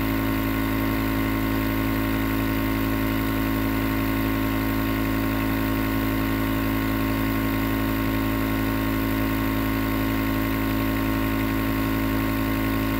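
Steady, loud motor hum and buzz of a running nebulizer compressor, unchanging throughout.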